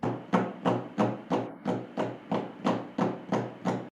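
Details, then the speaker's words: Simulated with the hands, not a real heart: rapid, regular thumping in a galloping, train-like rhythm, as S3 and S4 merge into one sound when the cardiac cycle shortens; summation gallop. "It sounds very much like a rhythmic galloping rhythm and if you carefully observe its distinctive shape, it remarkably resembles a moving train, which is precisely why we refer to it as a summation gallop."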